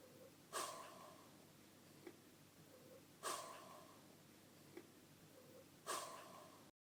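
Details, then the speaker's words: A resting dog sighing, as dogs often do while napping, to express satisfaction: three soft sighing exhalations about every 2.7 seconds. "soupirs et les gémissements sont des sons humains. Nos chiens soupirent pour exprimer leur satisfaction ou leur insatisfaction. En particulier, de nombreux chiens soupirent souvent en faisant la sieste."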